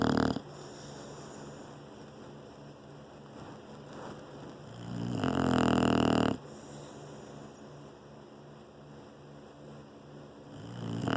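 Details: An English bulldog sleeping in a lap, snoring: steady, fluttering, buzzy breathing throughout, with one louder snorting snore in the middle.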